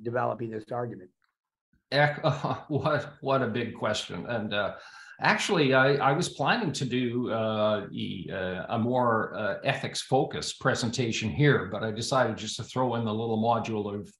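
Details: Adult male speaker; Normal speech.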